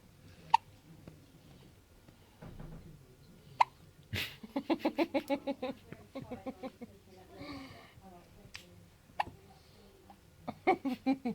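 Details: Newborn baby girl on her first day of life: short sharp hiccups recurring every few seconds between soft infant noises and quiet adult voices; her first hiccups.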